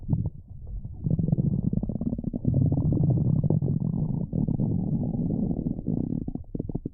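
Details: Ordinary stomach growling (borborygmi): long, loud, low rumbling and gurgling that rolls on without pause.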